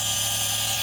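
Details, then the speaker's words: G-Tech Compact DC1 compressor nebulizer/inhaler running in a home demo, with a steady, fairly quiet hum and hiss; described as quieter than other models while lots of mist comes out. "Can you see the smoke there? Look, it doesn't make as much noise as other models."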